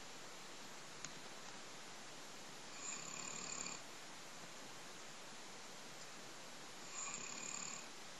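Two slow, soft rasping noisy breaths about four seconds apart over steady background hiss; quiet snoring.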